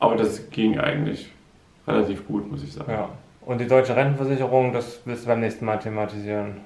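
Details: Adult man speaking German; speech.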